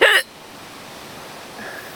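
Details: One sharp, loud hiccup with a voiced catch, from someone who had hiccups all day at a beach, then steady background noise; single hiccup.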